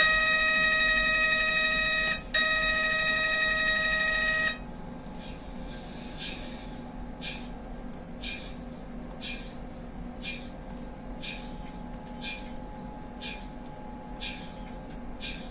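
A loud steady tone gives way to rhythmic mechanical knocking about once a second over a low hum: an MRI scanner running its imaging sequences.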